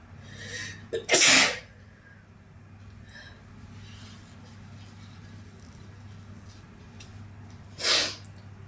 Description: This is sneezing video 2.